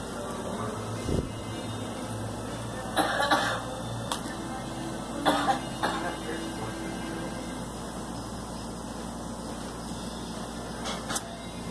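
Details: Girl smoking full-flavor red 100s cigarettes gives a few short, dry coughs in two small clusters over a steady background hum.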